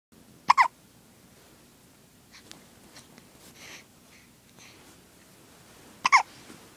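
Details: Infant hiccups: two sharp, squeaky hiccups about five seconds apart, likened to a squeaking toy penguin, with quiet breathing and faint sounds between.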